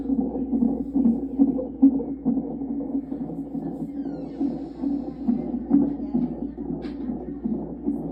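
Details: Fetal heartbeat monitored by Doppler on the pregnant mother's abdomen: rapid whooshing pulses at about 136 a minute, within the normal range.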